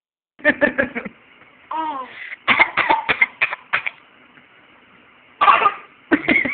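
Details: A young boy gives bursts of short, playful pretend coughs, his favourite trick, with a brief voiced laugh-like sound between them; voluntary cough.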